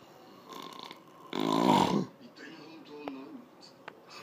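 One short, harsh snore burst with faint murmuring and small noises around it.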